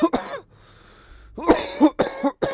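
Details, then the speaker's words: An adult who coughs daily during streams gives one harsh cough, pauses, then a rapid run of several more harsh coughs; repeated coughing. "I wish I would shut the [ __ ] up. I wish I could shut the [ __ ] up and stop coughing."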